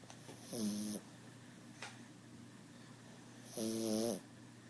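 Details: Snoring from a flat-faced ("face mushed in") male pet who sounds like this even when awake and purrs when happy: two drawn-out, voiced, buzzing snores about three seconds apart with a faint sniff between.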